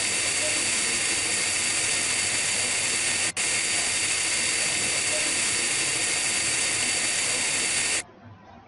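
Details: High-speed dental handpiece, continuous high-pitched hiss and whine with a brief stop midway, during Class I amalgam cavity preparation of a mandibular first molar, completing outline and retention form.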